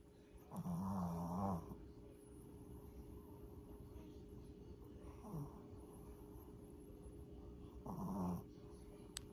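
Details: Sleeping dog snoring loudly: two loud, rough, low snoring breaths with a softer one between them, over a steady background hum.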